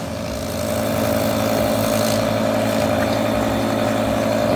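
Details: An old Omron Inalar Compact compressor nebulizer, tested during repair of its nebulizing nozzle part: a steady mechanical hum with a constant buzzing tone and faint hiss; nebulizer compressor running.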